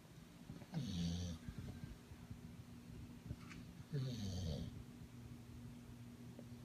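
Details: Bulldog asleep on owner's father: two loud, low rattling snores on breathing in, a few seconds apart, with quiet breathing between; snoring in a flat-faced dog.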